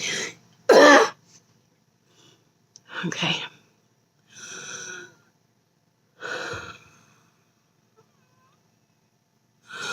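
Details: Noisy, effortful breaths with faint whistling tones, plus an early cough-like burst; wheezing.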